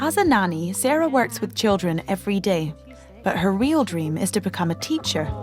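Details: Adult female narrator; fluent narration.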